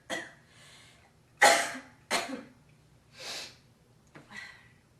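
Several harsh, wet-sounding coughs and throat-clearing with rough breaths in between. Productive cough with hawking of phlegm.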